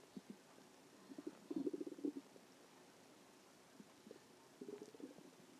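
Soft, irregular gurgling and bubbling rumbles in two bursts over a quiet background; ordinary stomach growling from gas and fluid moving through the gut.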